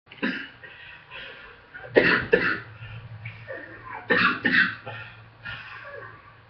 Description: small asthma flare after my run lungs are still weak from being sick